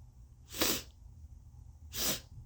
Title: Forcing a sneeze attack with a Q-tip, tissue and Tumeric Part 2!🤧